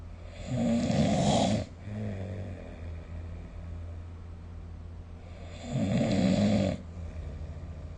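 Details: Loud rumbling inward snores about four seconds apart over steady background hum during ordinary sleep, recorded with the SnoreLab smartphone app.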